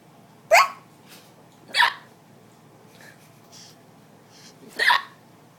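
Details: Person's hiccups: three sharp, abrupt vocal catches a few seconds apart over quiet room noise.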